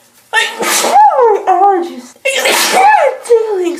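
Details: Girl sneezing repeatedly, trying to hold it back: two loud abrupt sneezes, each a sharp inward catch then explosive burst, about two seconds apart; sneezing.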